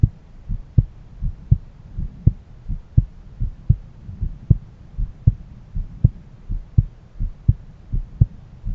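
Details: Own heart auscultated with a stethoscope at different valve areas: regular low thumping heartbeat about 80 a minute with a soft background hum; normal heart sounds.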